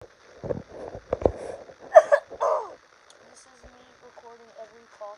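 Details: Adult recording own cough: about four short, harsh cough bursts in quick succession, then faint background sounds.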